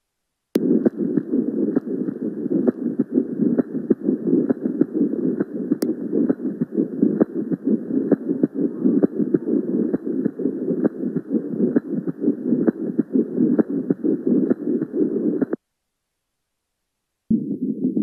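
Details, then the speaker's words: Pericardial friction rub from inflamed pericardial layers rubbing together, teaching example best heard at the left sternal border at end-expiration with the patient leaning forward or in left lateral position: harsh, high-pitched scratchy sounds with each beat at about 66 a minute. "د ان احتكاك التامور ينتج عن احتكاك الطبقات الحشويه والجدار الملتهبه بوس سك اور سك هاي بش ساوند يعني انه نتيجه لهذا ح تصدر اصوات صرير او خشخشه عاليه النبره"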